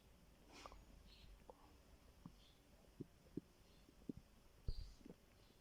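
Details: Soft low gurgles and short bubbling rumbles in a quiet room from a hungry, empty stomach growling; borborygmi.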